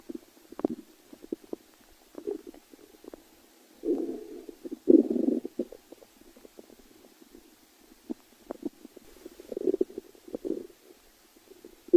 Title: stomach growling